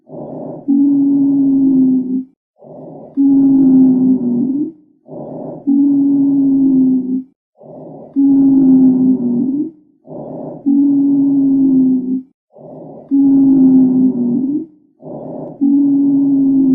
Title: 천명음_Wheezing